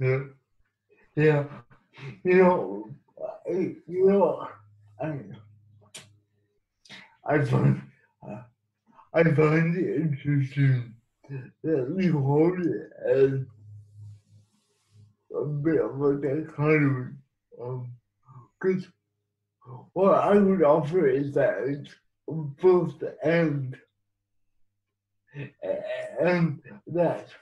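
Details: Adult man living with cerebral palsy; dysarthric speech in cerebral palsy.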